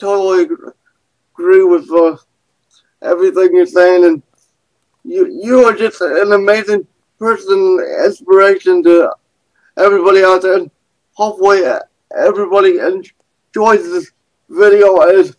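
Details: Adult man with cerebral palsy who describes himself as having a speech impediment, judged by his guest as more impaired than her own; dysarthria in cerebral palsy.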